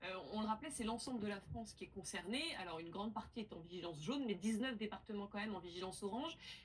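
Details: Adult woman speaking French; normal voice.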